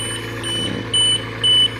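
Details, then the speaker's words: An oxygen concentrator checked after a patient complained he could not tolerate its flow; three evenly spaced high-pitched alarm beeps over a steady machine hum, which the technician suspects means low purity. "pero yun lang sinasabi sa akin yung ano kanina na nag-a-alarm. So ngayon ko lang nalaman na may alarm."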